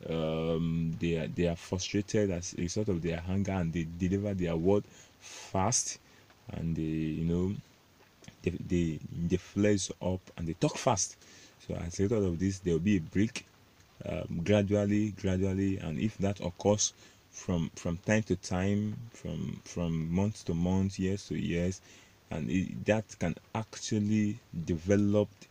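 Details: Adult male self-described stammerer, proud of it, with word repetitions in this stretch; stuttering.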